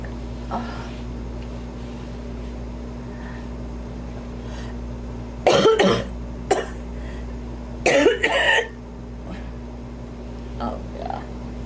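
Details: Mature woman coughing while doing her makeup, which she blames on allergy: two clusters of sharp coughs over a steady room hum, with lighter throat sounds between.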